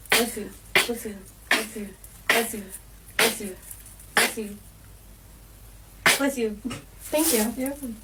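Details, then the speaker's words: Person says they are about to sneeze, then a rapid run of about eight sharp, explosive voiced sneezes with a pause partway through, over music, as others say "bless you." "I think I'm going to sneeze."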